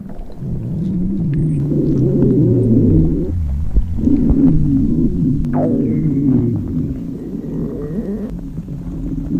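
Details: Long, loud, low gurgling rumbles with shifting pitch, then a quieter rumble; hunger stomach growling (borborygmi) of a girl during class in a library.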